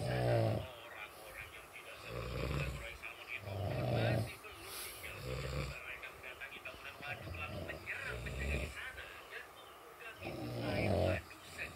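Repeated loud, rough snores roughly every two to three seconds, with some voiced, groaning quality; heavy snoring.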